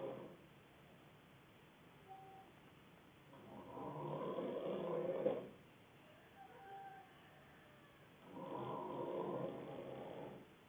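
Rough, rattling snores on breathing in, about two in ten seconds, with quieter breathing between them.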